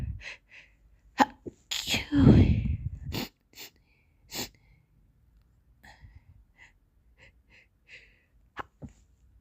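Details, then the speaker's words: Girl with a cold and dust allergy trying to sneeze and stifle her sneezes: a loud sneeze with a sharp intake and explosive burst, then softer sniffs and small sounds in a quiet room; sneezing. "I'm going to try to sneeze um I hope you like it also I'm going to try stiffling my sneezes so yeah"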